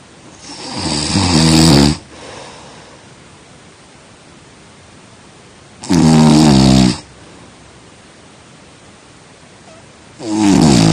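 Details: Loud, rattling inspiratory snores about every four to five seconds, roughly 13 per minute, with quiet breathing between; snoring during sleep.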